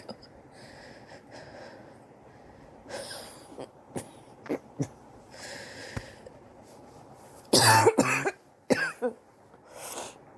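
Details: Sore adult coughing over several weeks, X-ray pending to check for pneumonia: scattered coughs and throat clearing, one harsh burst near the end, quiet room; persistent cough suspected to be bronchitis.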